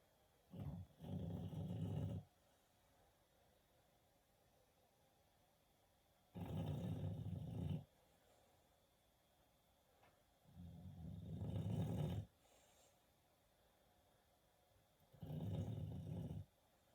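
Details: Snoring from Birdie while asleep: four long, low rumbling snores, roughly one every four to five seconds, with quiet pauses between; steady snoring during sleep.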